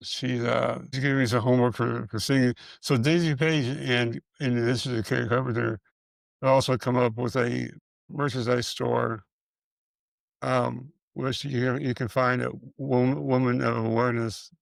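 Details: Man with multiple system atrophy, parkinsonian type (MSA-P), who reports his speech has more of a stutter and tremor, more noticeable after the first two minutes; dysarthria with stuttering-like repetitions.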